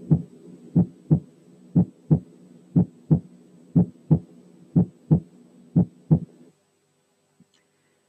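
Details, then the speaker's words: Teaching recording of a normal single, pure second heart sound: a regular heartbeat at about 60 a minute with crisp paired sounds, the second sound single and clean. "تعالوا الأول نسمع السكند ساوند لوحده وبيور."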